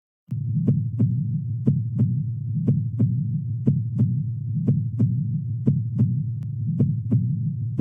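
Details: Regular paired lub-dub heart sounds at 60 beats a minute over a steady low hum; normal S1 (mitral closure, start of systole) and S2 (aortic closure, start of diastole), timed to parasternal long-axis cardiac cycle.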